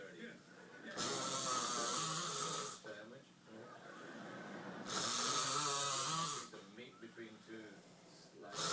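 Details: Husband snoring during sleep: harsh, raspy breathing sounds recurring about every four seconds, roughly 15 a minute, in a quiet room; snoring.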